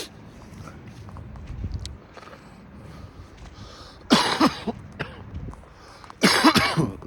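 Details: Two loud bursts of coughing after inhaling from a disposable cannabis vape (Amnesia Strawberry Cough), outdoors in cold, lightly rainy weather with background noise.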